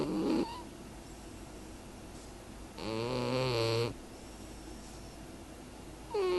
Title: And Lady Pumpkin snores